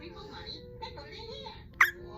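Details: One-day-old newborn baby hiccuping: a single sharp, loud hiccup over faint room noise and background talk. Hiccups.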